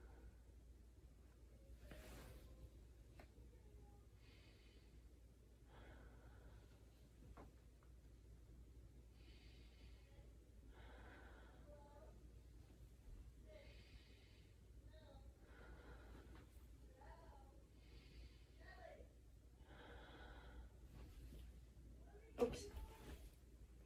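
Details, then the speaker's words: Student nurse auscultating a healthy patient's back, patient breathing in through nose and out through mouth: slow, even bilateral breaths with no crackles or wheezing; normal breath sounds. "okay breathing was bilateral it was even I didn't hear any crackles or um wheezing so that's a good sign"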